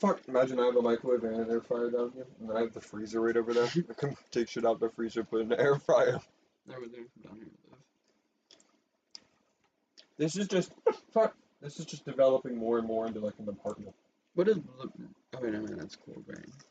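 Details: Person with Tourette syndrome, which they say was inherited through a recessive allele from both parents. Vocal tics with coprolalia (involuntary vocalizations and obscene words) interrupt ordinary speech; tics began in fifth grade and worsened in eighth grade and freshman year.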